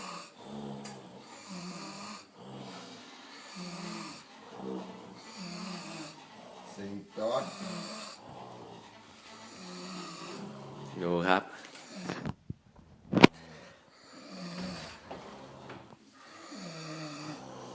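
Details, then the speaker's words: Overlapping loud snores from more than one sleeper repeat every couple of seconds, with a few sharp noises and faint music in the room; snoring. "โอเคครับสวัสดีครับตอนนี้เกิดสงครามกันนะครับสงครามแห่งนี้[__]โคตรนอนกรนเลยตอนนี้ดูครับดู"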